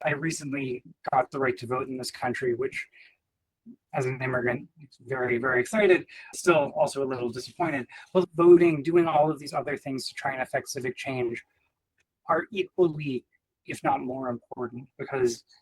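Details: Adult man speaking; Normal speech.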